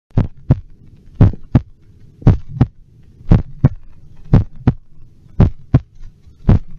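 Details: Heart sounds amplified with an electronic stethoscope: steady paired lub-dub at about 57 beats a minute with a low hum between beats; normal heart sounds.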